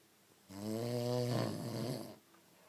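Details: Adult man's heavy snoring, described as like a train and unstoppable: one long, loud, buzzing, low rattling snore on an in-breath from a sleeper in a quiet room.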